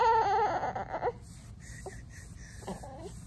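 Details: Newborn boy, born that night after a fast labour with no epidural: a high-pitched, wavering cry of about a second fading to quiet fussing and a brief whimper over faint room hiss.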